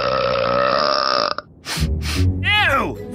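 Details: Cartoon burping: a loud, drawn-out belch from the character Dingaan in the animated Supastrikas soundtrack, followed by sound effects and voices.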